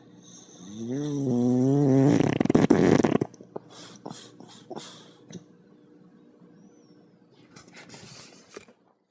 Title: Bubba Reindeer Snoring